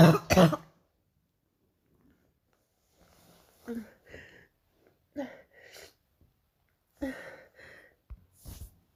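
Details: Painful morning cough: two strong coughs, then quieter rough coughs and throat clearing after a pause.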